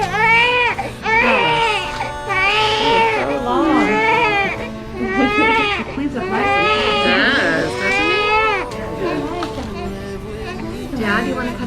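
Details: Loud, strong, repeated wailing cries with gasping pauses, soft music behind: a vigorous newborn baby boy crying right after vaginal delivery.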